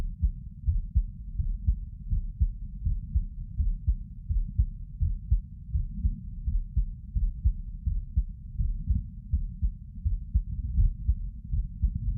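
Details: Normal heart sounds recorded with the person sitting: steady low thumps at roughly 80 beats a minute.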